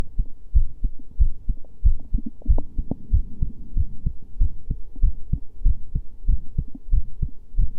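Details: Steady low thumping heartbeat, about 94 beats a minute, with faint hum underneath; first recorded heartbeat file.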